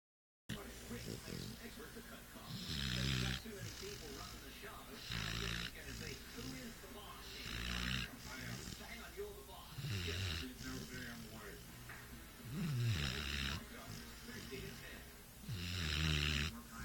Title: Snoring dog